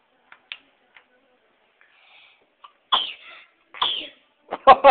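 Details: Ella, a dog, gives sharp, breathy sneezes, quick forceful expulsions of air through the nose.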